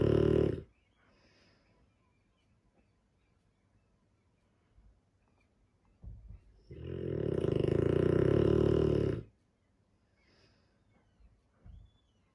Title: Dogue de Bordeaux - sleeping beauty. Snoring too.